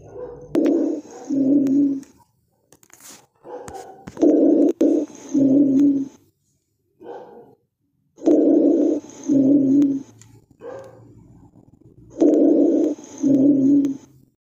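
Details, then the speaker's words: Rhonchi on chest auscultation: low, snoring-like rumbling breath sounds in repeated cycles, heard over the lung apices and interscapulovertebral spaces. "es roncus se escucha muy similar a lo que es un sonido de un ronquido"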